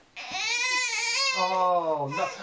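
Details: Baby boy gives a short, high-pitched infant cry that rises and then falls.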